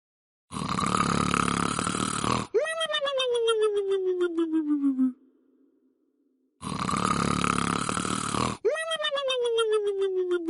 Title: Funny Snoring Sound